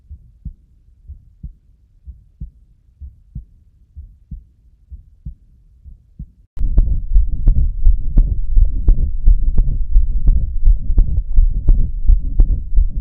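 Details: Diastolic heart murmur, a pathological sign: regular heartbeat at about 63 a minute, then a louder, noisier passage with a murmur filling the diastolic pauses.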